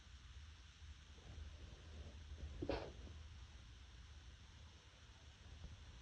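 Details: A single brief, stifled sneeze in a quiet room, deliberately muffled by the person so neighbours won't hear: muffled sneeze.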